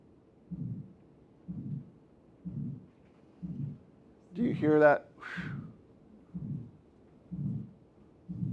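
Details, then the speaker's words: Aortic stenosis: regular heartbeat near 62 a minute with a systolic murmur between S1 and S2, from a teaching recording. "in between S1 S2 systolic murmur peripheral pulses are going to be late and slowed or delayed a weak okay okay [Music] so that's aortic stenosis"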